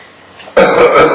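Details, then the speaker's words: Assisted cough in a patient with C4 quadriplegia and left hemidiaphragm paralysis, recovering from pneumonia, lying supine in bed: full-body-weight manual compression with a shake, then one abrupt, fairly strong, rough, slightly wet cough as secretions move slowly upward. "P again and you can hear he's got some SE equations that are moving up slow there and they'll come in a little while just takes a few Cycles sometimes to shift the secretions all the way up"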